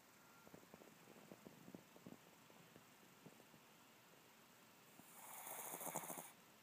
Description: Chihuahua snores when he sleeps.